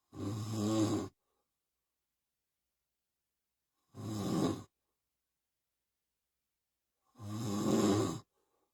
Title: Roncando auto